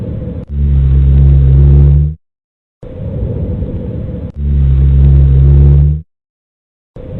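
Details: Rhonchi in a lung auscultation training exercise: low-pitched, snoring, rumbling continuous sounds through each breath, typical of secretions in larger airways.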